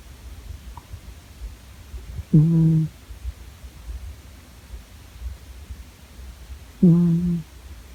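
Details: Female family pet asleep in her bed: two low, tonal snoring sounds about four and a half seconds apart in a quiet room; snoring.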